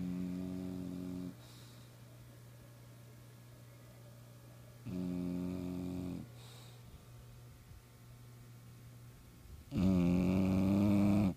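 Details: Female bulldog sleeping soundly: loud, rough, buzzing snores in long drawn breaths separated by quieter breathing; dog snoring.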